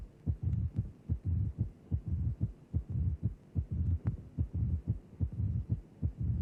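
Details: Cardiac auscultation teaching example of mitral stenosis: the murmur follows the diastolic pressure gradient between the left atrium and left ventricle while the mitral valve is open; mid-diastolic murmur of mitral stenosis.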